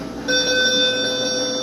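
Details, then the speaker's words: Ventilator alarm: a steady electronic alert tone starts abruptly and holds as the machine finishes start-up, with the display reporting low pressure. "अब ये कह रहा है कि आपका auto pressure low है।"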